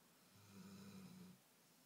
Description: American Staffordshire sleeping on bed on his back snoring.